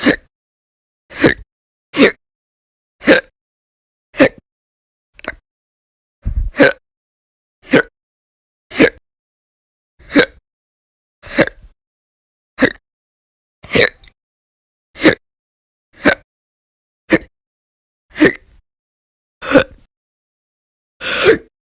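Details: Hiccups recorded February 2020, audio only, described as violent, loud or silent: about 19 short, sharp hiccups in 21 seconds, regular at roughly 50 a minute.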